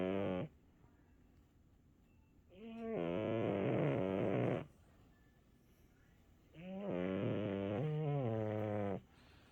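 Slow, rumbling snores drawn out over about two seconds each, roughly 15 a minute, with quiet pauses between; a snoring cat.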